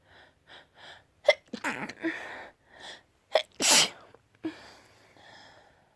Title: Sneeze fit. (Trying to be cute lol)